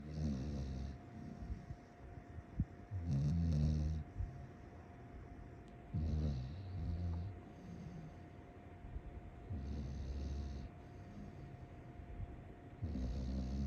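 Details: Low rumbling snores on in-breaths, about four over fourteen seconds, with a soft steady hum in the room; snoring at 7:30.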